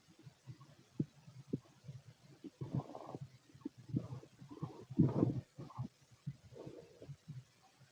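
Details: Fit adult male, empty stomach: soft, irregular low gurgles and brief rumbles come and go over a quiet background. These are ordinary bowel sounds with fairly little activity.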